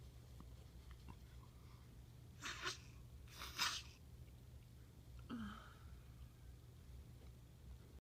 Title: messy sneeze 9/3